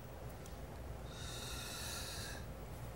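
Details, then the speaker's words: A soft, fluttering, buzzy exhalation of about one and a half seconds from a child with cystic fibrosis breathing through an oscillating PEP device (Acapella) with adjustable resistance; a three-to-four-second exhalation is the target. "the way we do that if we just listen for the exhalation we want a good three to four second exhalation"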